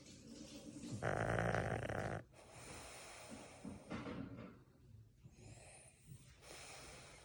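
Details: A French bulldog snoring with his ball still in his mouth after playing hard: a loud, rough snorting snore followed by noisy, rattly breathing.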